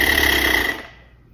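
A harsh, rapid buzzing rattle from a breath blown through an oscillating airway clearance device, then fading.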